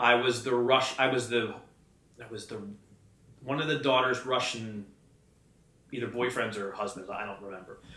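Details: Adult man who has stuttered since childhood and works in sales and as a wedding MC, speaking in a live conversation; adult stuttering.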